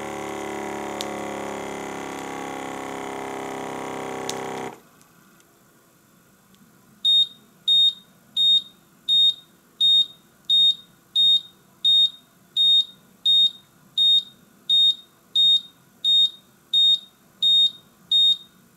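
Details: Functional check of a Visomat OZ 20 fully automatic oscillometric blood pressure and pulse monitor: motor hum stops, then regular high-pitched beeps about 87 a minute; blood pressure monitor beeps.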